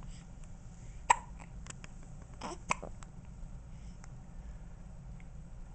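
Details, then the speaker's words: Baby girl, awake and kicking: two sharp hiccups about a second and a half apart, with soft baby sounds and faint room hiss; hiccups. "hi jlyn you got the hiccups oh got the hiccups I guess pretty girl"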